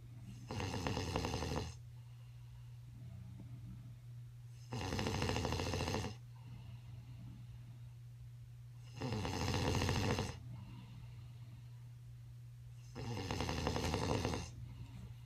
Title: my Dad snoring at hotel